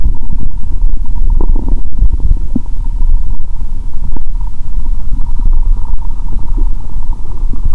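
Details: Stethoscope on her own abdomen after fasting over 15 hours, then Mentos and cola: continuous low gurgling and rumbling, frequent bubbling pops, faint steady hum; active bowel sounds.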